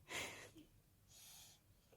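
An infant gives two short, hissy nasal sniffs, a playful imitation of being sick.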